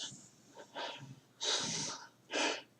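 Imitated effortful, noisy breaths with forceful hissing inhalations and exhalations, demonstrating increased work of breathing, a sign of inadequate breathing.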